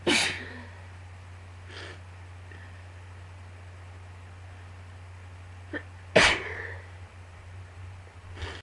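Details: Sneezing attack with some sneezes hard to get out: two forceful sneezes with a softer sniff or catch between them, over a steady low room hum.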